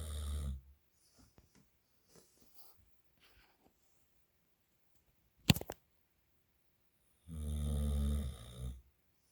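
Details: Sleeping dog snoring: loud low rumbling snores separated by quiet pauses, with a brief sharp noise between.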